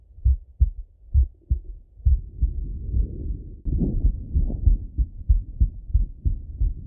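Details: Full heart auscultation of a male through a stethoscope, recorded either sitting at a desk or lying in bed: steady lub-dub at roughly 95 beats a minute with some chest rustle; normal heart sounds.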